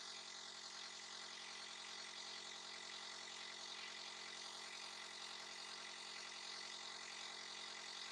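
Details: A nebulizer used by Mom as a breathing aid for little Dobi, who coughs and sneezes: a steady hissing, buzzing machine hum without a break while giving inhaled treatment.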